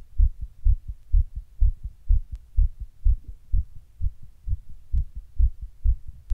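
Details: Own heart recorded while sitting in 100-degree heat during a heatwave: rapid, regular low heart thumps roughly 120 beats a minute; tachycardia.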